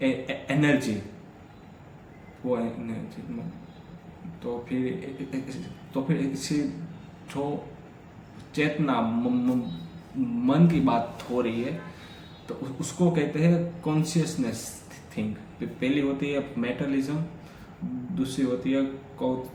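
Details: Adult man with stammering, on day 3 of a daily fluency practice routine that includes breathing and relaxation exercises, speaking continuously as reading and storytelling practice; stammering.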